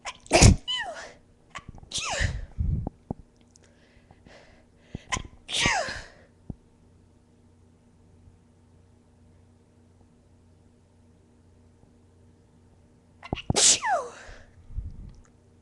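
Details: Induced sneezes from a young woman: four sharp sneezes, each with a quick intake of breath before the burst, separated by quiet pauses.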